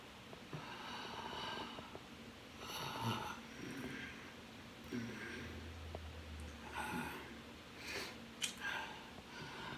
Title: Sleep breathing (snoring. Sniffles edition)